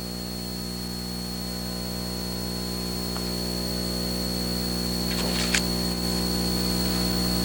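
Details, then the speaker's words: Ultrasonic scaler in operation on a patient with heavy supra- and subgingival calculus and inflamed gingiva that bleeds on light probing: steady high-pitched whine over a constant low hum, with brief scraping contact sounds near the end. "However, be careful not to activate the unit with the point in contact with the root surface. It could cause damage to the surface of the root. The actual scaling operation should be carried out with the side of the point."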